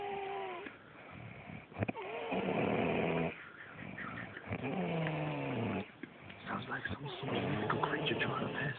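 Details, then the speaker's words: Loud, long, rough snoring in a man asleep in the next hotel bed, with whistling and gurgling tones and an uneven pattern over about nine seconds; later snores said to mimic flatulence. "no one quite knows what motivates him to make that noise could be a mating call could be anything all we know it scares a living out of us"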